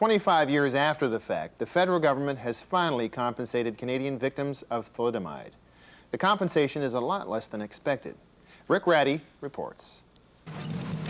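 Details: Adult male speaker; normal speech.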